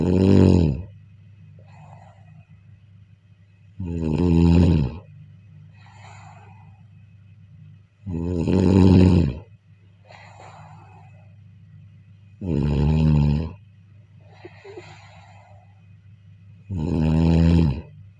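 Regular deep, vibrating snores about 14 a minute, each followed by a soft breath out, over a steady low room hum.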